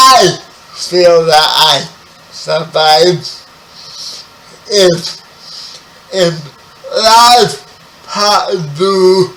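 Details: 30-year-old man with spastic quadriplegic cerebral palsy, born 11 weeks premature; dysarthria (cerebral palsy).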